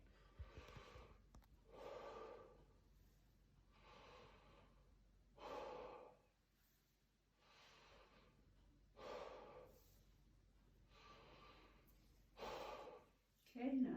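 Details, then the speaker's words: Slow, deep, even breaths with smooth airflow, heard on auscultation of the back during deep breathing in a physical assessment; clear, normal breath sounds with no crackles, rales or wheeze. "spread sounds sound clear I'd be looking for crackles rails any sort of wheeze abnormal breath sounds I'd want to really pay attention to"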